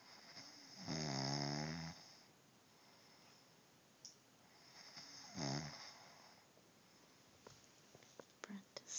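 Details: A person snoring: two rough, rattling snores on breaths in, about 14 a minute, with quiet room noise and a few small clicks between them.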